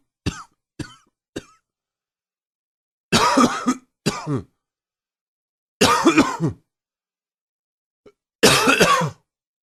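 Seven coughs: three short, sharp ones, then four longer, harsher bursts, all separated by quiet pauses.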